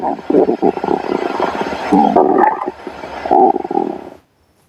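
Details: Stomach growling: a loud, rolling gurgle with bubbling pulses as gas and fluid move (borborygmi).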